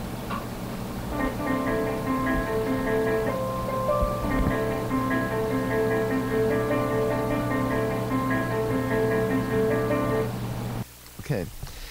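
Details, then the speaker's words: CEREC dental scanner acquisition unit confused while imaging a tooth: a repeating, plinking, marimba-like 'honky-tonk' tone pattern, its warning that it is not capturing good data. "well that sound is when that same computer that same see rock acquisition unit is confused"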